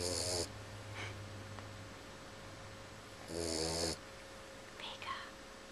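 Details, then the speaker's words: Sleeping Boxer puppy snoring soundly: two short, buzzing snores a few seconds apart over a steady background hum. "V you're snoring what are you doing you're snoring"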